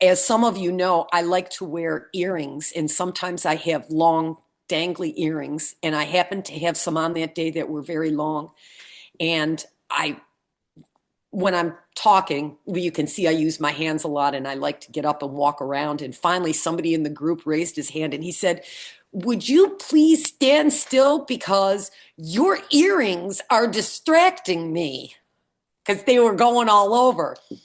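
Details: Adult woman; Normal speech.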